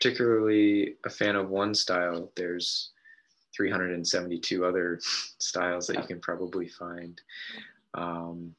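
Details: Adult male speaker; Normal speech.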